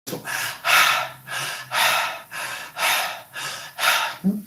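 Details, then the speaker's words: Imitated normal tracheal breath sound: stethoscope diaphragm over the cricoid cartilage, patient breathing open-mouthed as if tired; loud, harsh airflow heard through all of inspiration and expiration with no gap. "Voy a localizar la membrana a nivel del cartílagocricoides y le pido que respire con la boca abierta como cansada."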